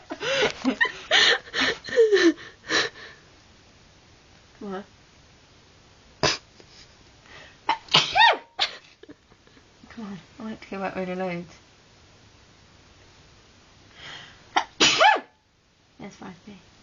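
Several sharp, explosive sneezes mixed with voices and laughter in a room; sneezing.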